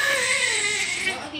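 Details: Newborn baby boy just after a hard delivery with a short umbilical cord: a loud, high-pitched, sustained wail, a normal vigorous first cry.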